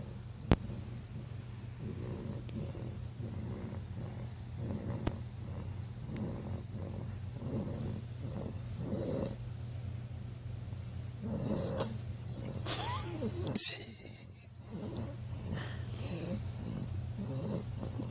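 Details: 11-week-old bulldog puppy snoring with eyes open, possibly not actually asleep: steady low rattling snorts repeating with each breath.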